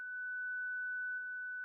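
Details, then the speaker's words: Zenix monitor/defibrillator with external paddles during a 30 J self-test; after charging, a steady, unbroken high tone sounds and the apex paddle shock LED lights; defibrillator charged tone. "Select the 30 JW self test key. Verify that Xenox charges, a constant tone sounds, and the shock LED on the Apex paddle illuminates."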